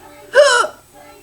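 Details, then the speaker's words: Loud, embarrassing hiccups that come on after drinking soda: one loud, abrupt voiced hiccup, a sharp catch of breath with a brief squeaky sound. "I get the hiccups with a nail and they're loud and embarrassing and it usually makes my kids laugh because they're really loud"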